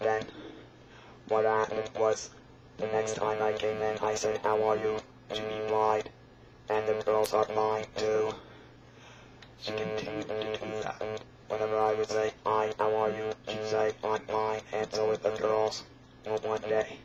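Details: Electrolarynx speech from a real electrolarynx user, shown during attempted singing with the device.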